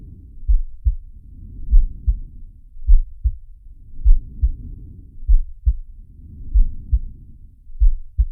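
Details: Simulated (animated cartoon) heartbeat and breathing of the character Sharky: low, muffled heartbeats about 50 a minute with soft rushing breath sounds swelling and fading over them.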